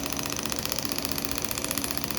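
Rapid, even train of sharp ticking pulses over a steady machine buzz from a shockwave therapy device firing.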